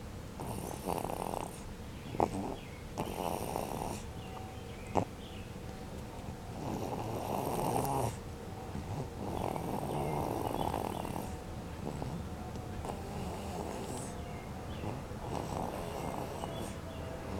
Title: Snoring Daisy